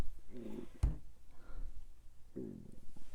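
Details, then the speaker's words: Two low, gurgling rumbles and a soft thump in a quiet room as an adult's stomach grumbles audibly: stomach rumbling (borborygmi). "my stomach is grumbling if you can hear that i am very sorry"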